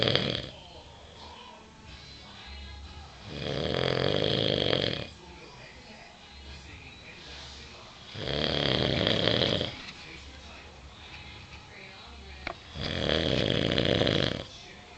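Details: A man's unusual, spooky-sounding snore recorded by his family: three loud, rough snores about five seconds apart with quiet breathing between; snoring.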